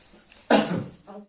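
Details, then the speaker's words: Simulated health-education role-play with an adult male asthma patient, mask removed, doing effective cough training: deep breaths, held 1–2 seconds, then a single forceful cough to bring up sputum. "Tarik nafas, tahan 1, 2, hembuskan, terus batuk langsung Pak."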